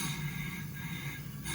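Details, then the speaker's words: Hamilton ventilator in volume-controlled assist mode, tidal volume 400 cc, not connected to tubing and breathing into open air: steady low hum with rushing air as each breath is delivered. "Once you've got your settings hooked up, you can hit start, and you'll hear our ventilator try and give breaths. Unlike the Draeger ventilator, this one isn't connected to tubing, so it's breathing into the open air, hence the Darth Vader sound effects."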